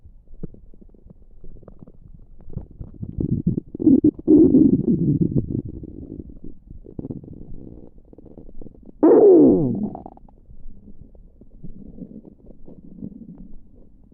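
Low gurgling rumbles from the belly, with one rising squeaky gurgle; ordinary active bowel sounds.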